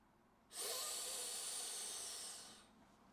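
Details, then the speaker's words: Turbohaler dry-powder inhaler demonstration: a steady, forceful, sharp deep breath in through the inhaler, lasting about two seconds, after forming a tight seal, before a breath-hold. "then once you've created a Tight Seal you want to take a sharp deep inspiratory breath as deep as possible and then hold your breath for at least 10 seconds or as long as you can"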